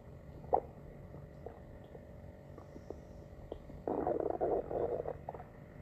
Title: stomach growling